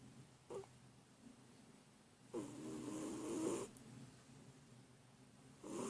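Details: A sleeping cat's snoring in deep relaxation: a short snort, then a long, rough, buzzing snore over a second long, with another starting at the end.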